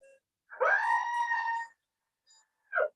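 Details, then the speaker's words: Simulated sound, not a real patient: a talking medical-training simulation mannequin plays a single sustained, tonal, electronic-sounding scream of about one second in a quiet room. "Now, this mannequin will talk. Can you make him scream for me? Listen to this."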